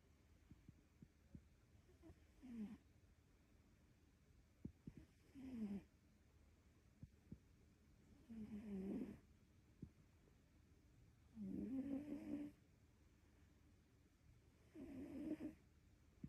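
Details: Soft, regular snoring from a sleeping cat, about one snore every three seconds, each a brief rattling purr-like breath in a quiet room.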